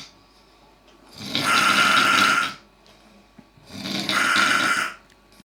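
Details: Two long, loud, harsh rasping snores, each lasting over a second, with quiet between them; loud snoring.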